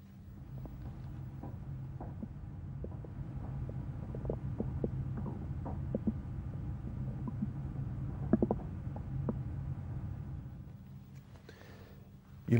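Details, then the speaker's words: Abdominal examination teaching demonstration, stethoscope over the right iliac fossa: soft, irregular gurgles and clicks over a low steady hum, normal bowel sounds. "now I'd like to listen for bowel sounds I usually listen in the right ey like fosser"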